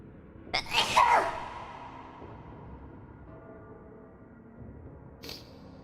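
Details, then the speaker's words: Streamer's sneeze with an added reverb effect: one loud, sharp sneeze followed by a long artificial echo tail, with faint music underneath; sneeze. "that'll be my demon sound if i was a demon it would just be the sound of me forcing air out of my nose at very high speeds okay"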